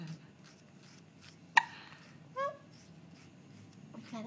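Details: Newborn hiccuping while being bounced: a single sharp hiccup in a quiet room, followed by a brief infant squeak; newborn hiccups.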